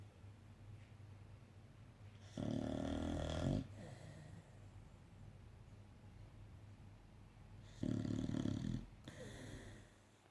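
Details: A Staffy dog recovering from anaesthetic gives two loud, rattling snores about five seconds apart, with quieter breathing between, in a small quiet room. Snoring.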